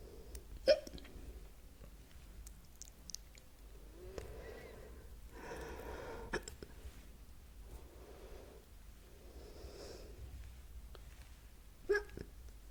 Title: #hiccups